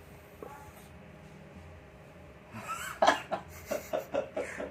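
A sharp cough followed by a rapid run of about six shorter coughs; irritant cough after inhaling from a vape.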